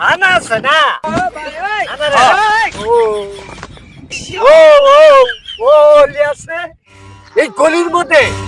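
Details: Comedy skit in which actors imitate stuttering with sound and syllable repetitions for comic effect; stuttering (imitated, not real).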